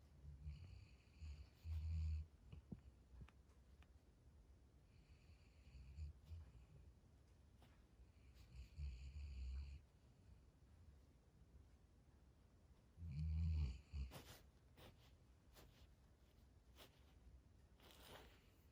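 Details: Big sleeping puppy snoring, possibly dreaming: slow, low, rumbling snores with quiet pauses between breaths.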